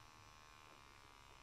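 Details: Steady low motor buzz of a used Japanese home automatic blood pressure monitor pumping up its cuff in a small quiet room; cuff inflating.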